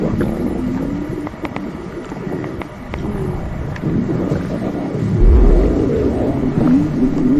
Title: Stomach Growling 💕💕